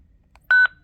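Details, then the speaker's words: Zoll X cardiac monitor, training demonstration: one brief, clear electronic beep in a quiet room as a button is pressed to disarm the defibrillator charge. "The charge button, as you can imagine, is exactly that. You just select your joules, and then you would hit charge to that amount."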